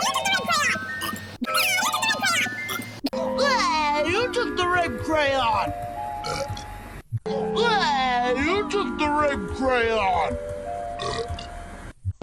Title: Rugrats: Chuckie complains that Phil took the red crayon and Phil burps in different speeds/pitches